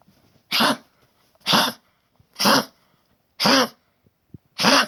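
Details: Female dog, age 13, with stage 3 congestive heart failure and a collapsed trachea, coughing since about age 9-10 and on medication for high blood pressure and heart failure: five harsh, honking coughs about a second apart.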